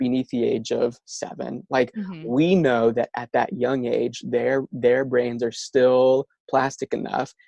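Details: Stuttering in an adult male speech-language pathologist who says he stutters himself.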